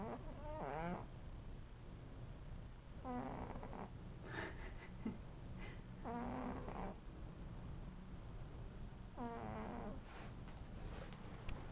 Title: Snoring Cat